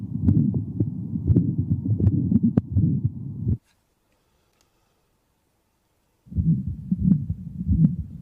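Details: Man with aortic stenosis and rate-controlled atrial fibrillation: irregular heartbeats with a high-pitched, loud, harsh ejection systolic murmur heard throughout the precordium, loudest at the aortic area, radiating to the carotids, with a quiet second heart sound.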